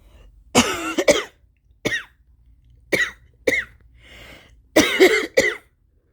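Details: Intense, harsh adult coughing bursts with strained retching and gagging, during a rough illness the person attributes to bad allergies from changing weather.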